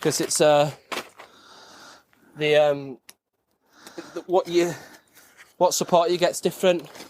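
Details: Adult male veteran with stuttering (stammer) that he says he masks well; it varies, with days of no stammering and other times of stammering, and is usually worse on the phone.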